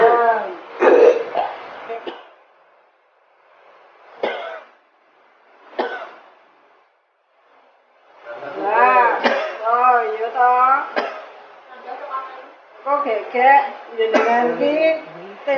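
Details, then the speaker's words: Acted scene: an adult man with a cough lasting 3 weeks despite medicine gives several short, harsh coughs between talking in a small room, portraying a chronic cough suspected to be tuberculosis. "Bapaknya itu batuk, Iya. ya 3 minggu, sudah minum obat, tapi kok belum sembuh-sembuh ya."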